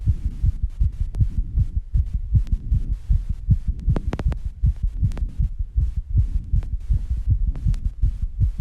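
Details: Own heartbeat after rebreathing and squats, with heavy breathing: fast, muffled, fairly regular heartbeat thumps following quickly one after another, with faint rubbing noise; rapid heartbeat (tachycardia) after exertion.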